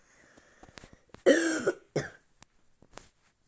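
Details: Adult playing a game gives two short, harsh, dry coughs, with faint clicking in the background.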